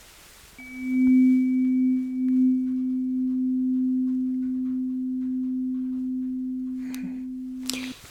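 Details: Simulated ASMR cranial nerve exam: a struck tuning fork placed on top of the head gives a steady, pure low hum that slowly fades; Weber hearing test.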